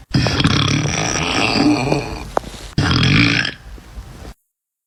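Two long, loud, rumbling burps, the first lasting about two seconds; belching.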